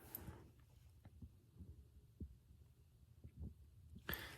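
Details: Normal S1 S2 heart sounds, soft and regular, heard during a head-to-toe physical exam at the pulmonic area (second intercostal space, left side), with the stethoscope diaphragm first and then the bell.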